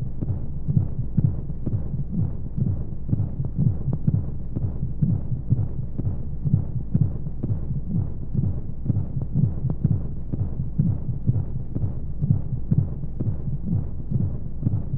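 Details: Womb-sound sleep aid for babies: rapid soft muffled thumps at about 125 a minute under a steady low hum and white noise; heartbeat as heard inside the womb.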